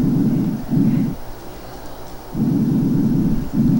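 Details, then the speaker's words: Soft, low rustling breath sounds rising and falling with breathing, no crackles or wheezes: normal vesicular (alveolar) breath sounds on chest auscultation. "vamos primero para que nos sea más claro a escuchar el ruido respiratorio normal esto es lo que escucharíamos normalmente es el componente alveolar normal"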